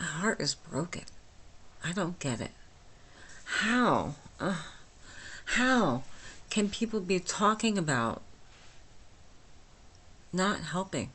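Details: Dysarthria from myasthenia gravis since age 8 in a 49-year-old woman, speaking without her usual appliance, about two weeks after finishing Rituxan treatment; she says she is understandable but not perfectly.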